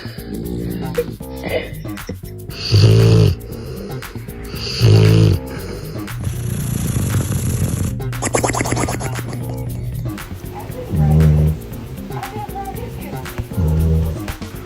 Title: When the dog snores next to you #funnypuppy #funny #pets